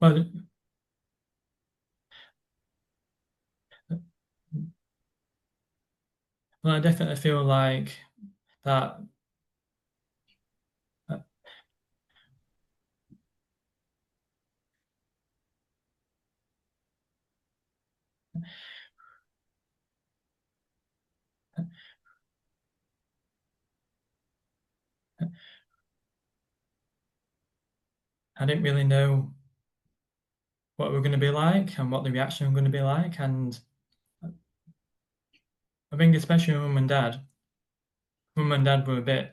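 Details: Stammering (stuttering) in an adult man who describes it as a neurological condition that blocks words from getting out, on any word; silences occur while he is blocked.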